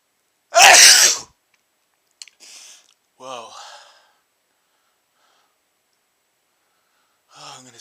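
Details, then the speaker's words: Adult male sneezing after sniffing chhinkni snuff for the first time, burning menthol feeling, eyes watering and nose running; one loud explosive sneeze followed by brief breathy sounds and murmured voice. "oh what a big sneeze oh boy I'm GNA sneeze again whoa oh my eyes are watering like crazy my nose is running I'm going to sneeze"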